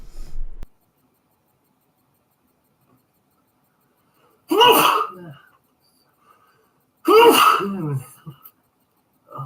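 Two loud, voiced sneezes a few seconds apart, each a sudden burst that trails off, in a quiet room.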